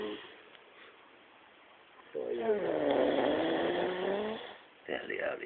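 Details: Adult man, heavy snoring: one long, loud, buzzing, rattling breath lasting about two seconds between softer breaths.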